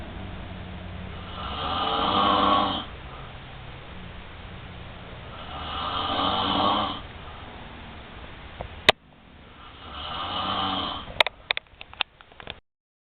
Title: my roomate snoring lol